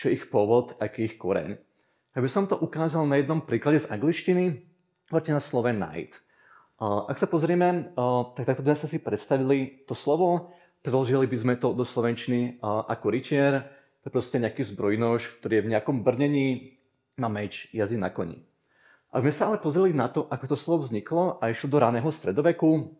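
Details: Adult male speaker; normal speech.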